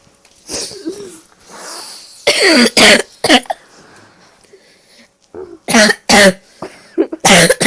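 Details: A coughing fit amid laughing: a run of harsh, explosive coughs in quick bursts, with gasping and laugh-like sounds between them.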